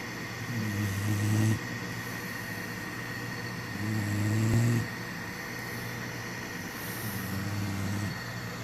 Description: Remi Snoring like a grown man..sleepy pup! / #lab #blacklab #puppy #sleep #snoring #bedtime